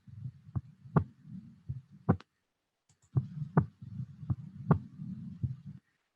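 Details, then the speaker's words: Proctor Harvey recorded heart sounds in a virtual COVID-19 patient case with expiratory wheezes: regular paired heart sounds near 55 a minute with breathing audible behind them; normal heart sounds. "what did we hear here sounds normal yeah I think"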